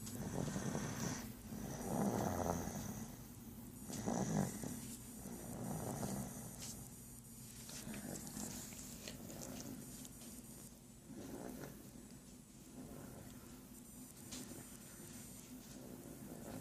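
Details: Low rumbling snores in a noisy room, several breaths in sequence; ordinary snoring during sleep.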